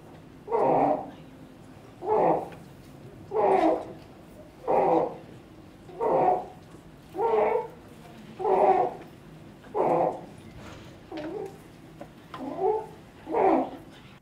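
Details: Noisy breathing in a child: inspiratory stridor.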